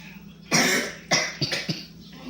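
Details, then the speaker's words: Voluntary cough: a child gives four deliberate coughs, one long opening burst followed by three shorter ones. "Okay, first you need to cough. Have to cough."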